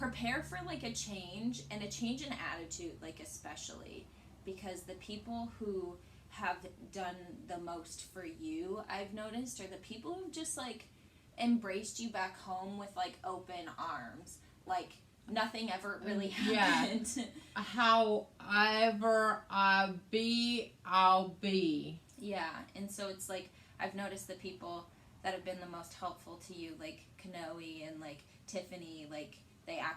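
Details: Adult woman speaking; typical speech.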